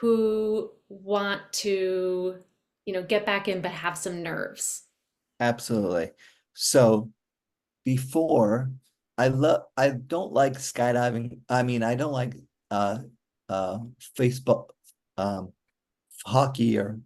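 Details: Adult male stroke survivor with aphasia since a stroke during mitral valve surgery for hereditary mitral valve prolapse in 2007, recorded July 2024, real patient who says communicating is still hard; aphasia.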